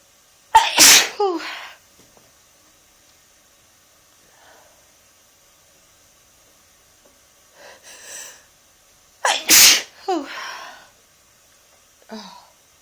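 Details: Two loud explosive sneezes, each with a sharp burst and trailing voiced tail, separated by quiet breathing; sneezes deliberately made to come out.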